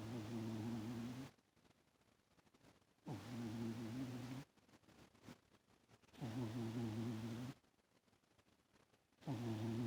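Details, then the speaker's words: Cat sleeping on owner's lap, rolling over: regular low, buzzing rattles with each breath, about 20 a minute, separated by quiet pauses, loud snoring. "He's sleeping on my lap, rolling like that and snoring. Can you hear Lee snoring?"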